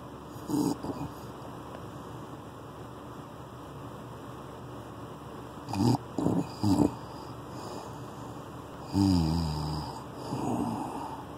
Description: I'm afraid that his breathing is too erratic I don't want to lose him I don't know what to do